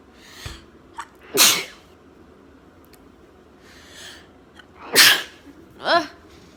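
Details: Girl with allergies in a sneezing fit, itching her nose: three sharp, explosive sneezes in quick succession, each after a short breath in; sneezing.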